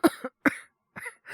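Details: Three short, voiced cough bursts from an adult man, acted for a Japanese voice performance in which his character has a cough from a cold.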